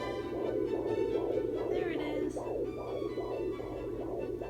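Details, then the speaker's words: Fetal heartbeat on Doppler at 19 weeks of pregnancy: fast, rhythmic whooshing pulses near 140 a minute, within the usual 120 to 140 range; the baby moves, so the signal sometimes drops. "Isn't that adorable? My baby has a heartbeat. So the heartbeat is usually between like 120 and 140."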